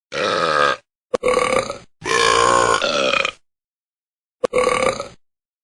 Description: The talking cats burping.